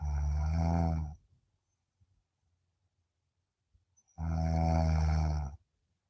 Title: Deep sleep 😴 sound on 😅 snoring 🤣 #deepsleep #snoring #sleeping